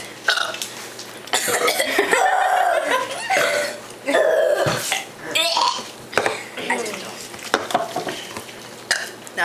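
Several loud, drawn-out belches from children, with brief talk and laughter between them. Burping.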